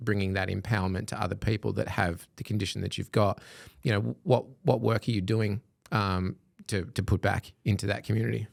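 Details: Adult male speaker; ordinary speech.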